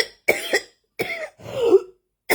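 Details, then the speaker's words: Adult coughing up a storm early in the morning; the cough returned after a day with barely any cough and lungs reportedly clear. Three short, harsh coughs in quick succession, one ending in a throaty rasp; dry-sounding cough. "I went from having no coughs yesterday to cough in up a storm this [Music] morning so there's your evidence right there right there"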